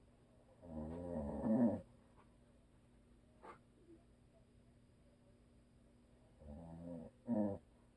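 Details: Vibrating, growly snores, one long and one broken into two parts, about six seconds apart over faint room hum, from a husband who habitually snores; audio only.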